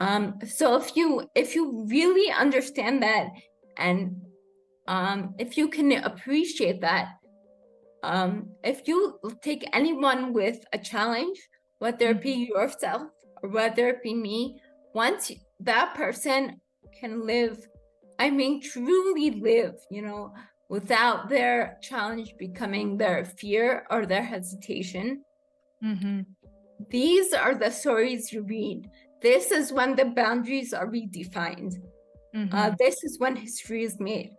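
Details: Adult woman with rare degenerative cerebellar ataxia of unknown cause, diagnosed as a pre-teen; slurred speech began in her early teens; has had speech therapy; slurring worsens with fatigue or emotion; ataxic dysarthria.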